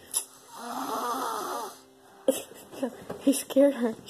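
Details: A long, loud, rough snore from a sleeping 5-year-old boy, loud enough to drown out the TV, followed by adult talking; heavy snoring in a child.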